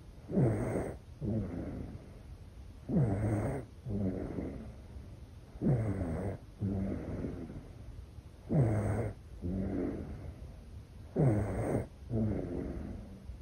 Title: ASMR Baby Deep Sleep - Snoring #asmr #cutebaby #sleep #babysleep